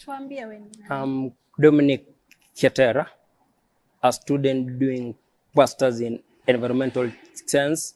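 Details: Adult man who says he has stammered since age 3 and believes his stammering is neurological; stuttering.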